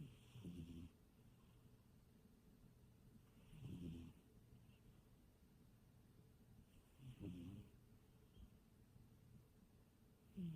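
Soft, low rumbling snores about every three and a half seconds, roughly 17 a minute, from a sleeping cat; ordinary snoring.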